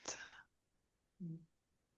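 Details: A short noisy snort, then after a pause a brief low, buzzing snore from a small flat-faced dog that has moved closer to the microphone in a quiet room; snoring.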